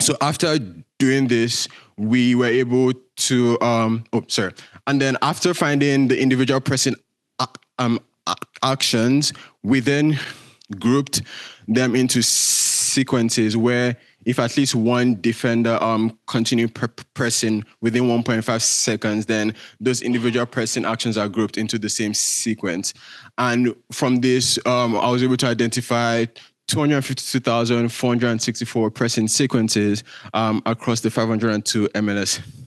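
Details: Male speaker with a self-reported stutter that shows as repetitions, prolongations or blockages. Stuttering.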